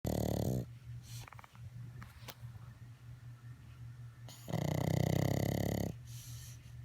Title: Snoring Pug—Warrior Rocky